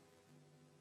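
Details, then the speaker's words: Opening snap of mitral stenosis: a brief low heart sound followed closely by a sharper, louder snapping click, spaced between a split S2 and an S3. "في لها كاركترستيك تانية، وهي إن السناب اسم على مسمى، يعني سنابي، يعني بالطرقع. نسمع بقى opening snap."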